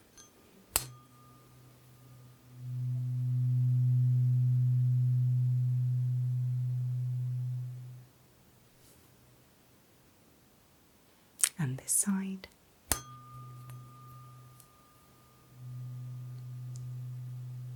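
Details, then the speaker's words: Simulated hearing check during an acted full-body exam: a low-frequency tuning fork is struck and held beside one ear, then the other, humming steadily. "so this is a tuning fork and I have two for you to listen to today okay they are slightly different frequencies they are low frequency"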